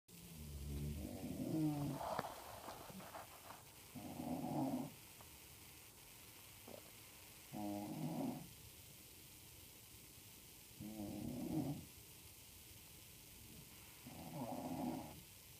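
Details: Loud, rattling inhaled snores about every 3.5 seconds, roughly 17 a minute, with quiet pauses, from women sleeping during an overnight hospital stay; ordinary snoring.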